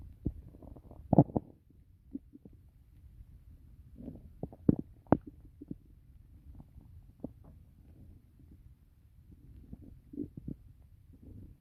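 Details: Really loud stomach growling (borborygmi), the second part of a recording.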